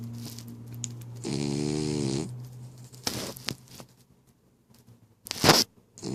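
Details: Sleeping female dog snoring: long rattling, buzzing snore followed by short snorts and huffs.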